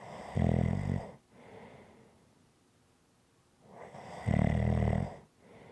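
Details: Relaxing ASMR snoring recording: two loud, rattling inhaled snores about four seconds apart, with quiet breathing out between them, roughly 15 breaths a minute; snoring.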